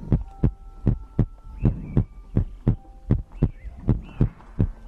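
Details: ASMR compilation of the creator's own heartbeat for sleep: deep, regular paired thumping at about 70 a minute with faint tonal hum and breath sounds in the background; heartbeat.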